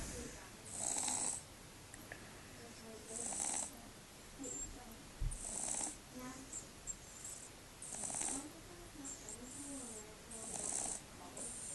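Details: Little boy with a cold, snuffle snoring: repeated soft, snuffly, hissing breaths with light nasal rattles every few seconds through a partly blocked nose; snuffling snore.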